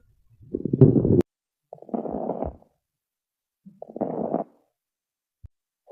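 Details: Three coarse, rumbling breath sounds with a gurgling, rattling texture: abnormal lung sounds.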